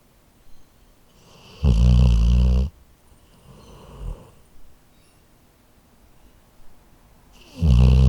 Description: I happened to have my H4n handy, so I recorded my Labrador snoring.